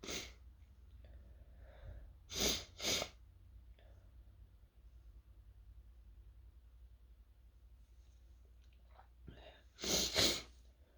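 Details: Sneezing triggered by fumes from toasting chili peppers, with sore throat, partly stifled: four sharp sneeze bursts in two close pairs, quiet room noise between; irritant-triggered sneezing.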